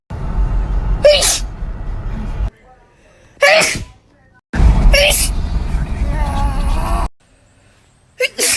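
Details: Four sharp, explosive bursts of forceful air over loud background music, from a short compilation of sneezes; repeated sneezing.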